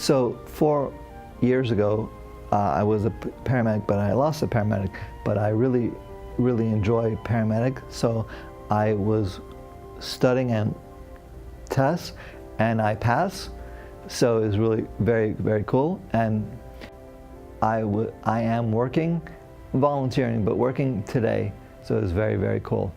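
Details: Adult man, a former paramedic, with aphasia after a stroke during heart valve surgery, having difficulty with names, numbers, reading and writing; expressive aphasia.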